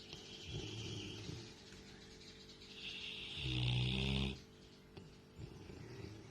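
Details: A girl snoring while asleep: quiet breathing broken by a loud, low, rumbling snore on the in-breath, then softer breaths.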